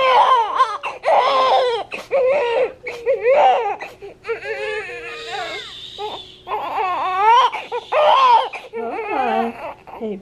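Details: Strong, high-pitched bursts of crying with breaths between them from a newborn girl just after delivery, the mother's third baby, born at term after 39 weeks; a normal, vigorous newborn cry.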